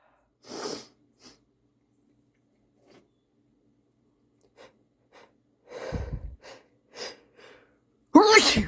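Several wet, sniffly sneezes with sniffs between them, ending in a forceful nose blow.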